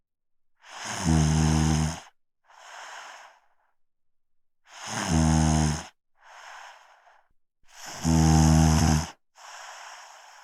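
Loud, rattling snores on each breath in, each followed by a softer breath out, about 18 breaths a minute. Snoring.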